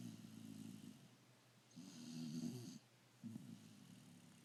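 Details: Low, fluttering snores with each breath in a quiet room: snoring during sleep.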